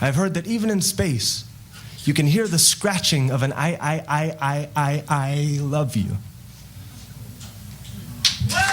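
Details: Adult male poet whose stutter developed after his parents' divorce and persists despite hundreds of hours of practice; here a whole-word repetition on "I"; stuttering (whole-word repetition).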